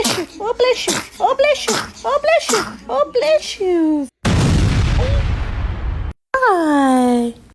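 Short high squeaky baby sounds and small sneezes, followed by a burst of noise and a rising cry-like squeal.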